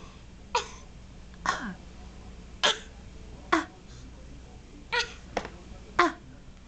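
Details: A young child deliberately fake coughing: about seven short coughs spaced around a second apart, an imitated voluntary cough, not from illness.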